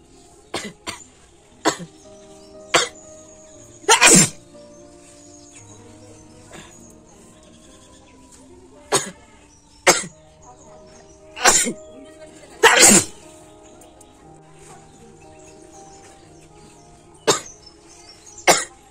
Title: sneezing challenge//nose blowing challenge //part -2//most requested video